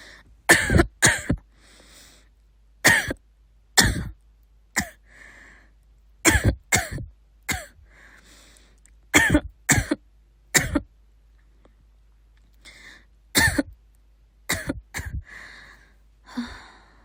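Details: A sister coughs about sixteen sharp coughs in short clusters over seventeen seconds, with quiet breaths between bouts; cough.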